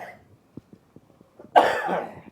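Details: Productive cough in a child during cough season, given a children's cough syrup: a single harsh, wet, phlegmy cough burst after a few soft clicks.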